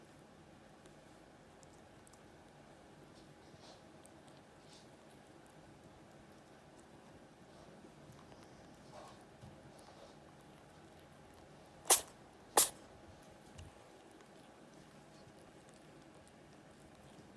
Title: Cute kitten sneezing!